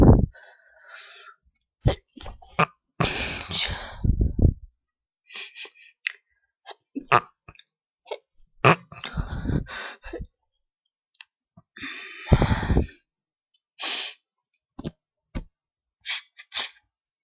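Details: Series of forceful stifled sneezes held back with a closed mouth to avoid wet, messy sneezes, giving sharp muffled bursts; the final one, meant to be an achoo, came early and sounded like a regular stifle.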